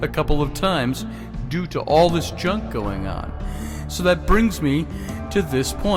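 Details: Breathless speech in an adult man with tracheal stenosis from scar tissue after intubation and ventilation for flu and pneumonia, which damaged his vocal cords and trachea. His voice is nearly recovered, but he gasps for air mid-sentence. Bronchoscopic tracheal dilation is scheduled.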